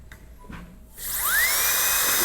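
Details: High-pitched whine of a high-speed dental handpiece spinning up and cutting a Class II preparation on a maxillary premolar in a dental teaching course, working near the adjacent tooth, with faint room sounds before it starts.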